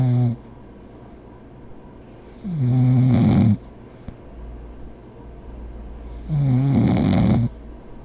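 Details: Cartoon characters sleeping: loud, rough, low rattling snores about a second each, separated by quieter breathing gaps; heavy snoring.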